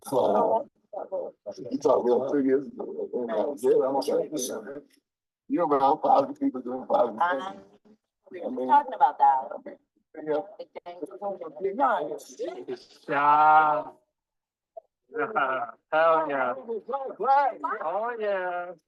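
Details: Aphasia in an adult man after a stroke during surgery in 2007 for hereditary mitral valve prolapse; he says communicating is still hard.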